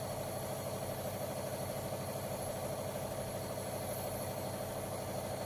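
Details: Nipro nebuliser compressor, set up with Duolin/Flohale for asthma, COPD or breathlessness, running normally: a steady, loud mechanical hum with a fast, even pulsing throughout.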